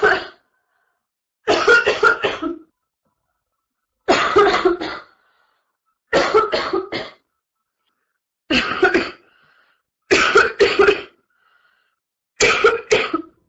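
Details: Adult woman coughing through a livestream in the early stages of what became a severe chest cold: repeated bursts of loose, slightly wet coughing.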